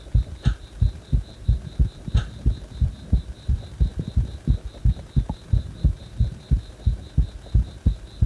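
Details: Heart that stays fast even after release from compression: steady heartbeat about 90 per minute with faint high beeping in the background; rapid heartbeat (tachycardia).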